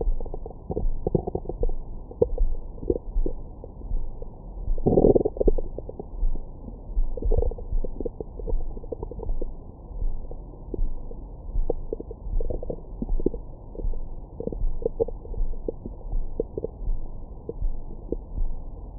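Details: Frequent gurgles, bubbling and short squeaks over the abdomen, recorded with a Stemoscope stethoscope microphone after a large meal for ASMR: active bowel sounds of ordinary digestion, stomach growling.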